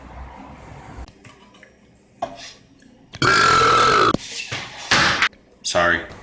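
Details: Man deliberately burping in a compilation clip: two loud, drawn-out voiced belches over faint room noise, with brief talk between them.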